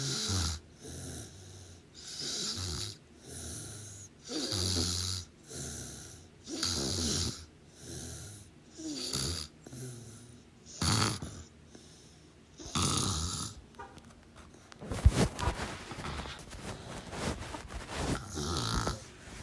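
Rhythmic rough snoring on each breath in, about 27 a minute, with quieter breaths out; a louder rustle near the end.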